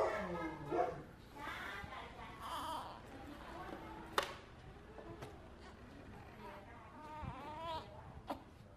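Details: Loud, rising infant wails over room noise, easing into softer fussing: a little baby crying loudly from hunger while waiting for mom to breastfeed.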